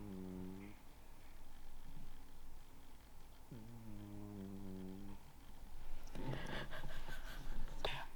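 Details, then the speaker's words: 18-year-old cat sleeping comfortably, snoring very loudly: loud, drawn-out tonal snores, with some room noise toward the end. "I don't know if you can hear my cat but he's snoring like really loud right now he's 18"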